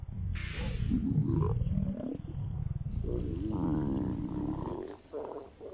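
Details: Deep, drawn-out rumbling and gurgling from a woman's stomach, with bubbly, squeaky stretches and brief pauses; stomach growling (borborygmi).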